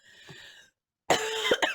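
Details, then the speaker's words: Single incidental cough from a speaker with a hoarse voice during a spoken horoscope reading: faint throaty sound, a pause, then one loud sharp cough with a brief follow-up burst. "pardon j'ai la voix enrouée pardon"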